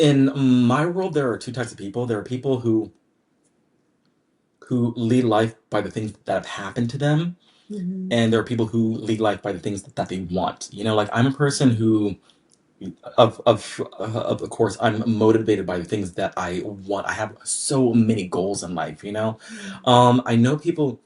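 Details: Adult man who has stuttered since childhood, speaking in a podcast conversation about his stutter; stuttering.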